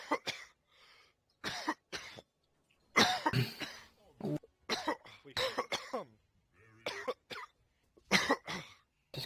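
A run of repeated harsh cough bursts with throat clearing between them, over about nine seconds in a quiet room.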